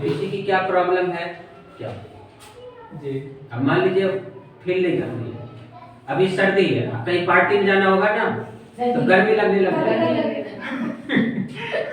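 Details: Adult speaker; no speech disorder.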